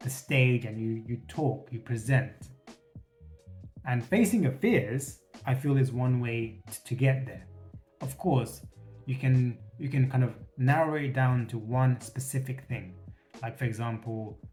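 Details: Stuttering with repetitions in an adult man who states he has a stutter and has worked to reduce it by facing his fears.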